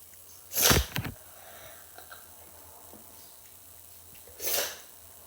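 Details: Two sharp, noisy coughs a few seconds apart, the first with a quick follow-up, from a sick child with a cold while gaming; quiet room otherwise.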